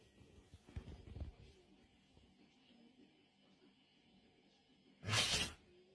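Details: Dog sneezing: a single sharp, hissing sneeze burst near the end, after quiet room noise and some earlier rustling.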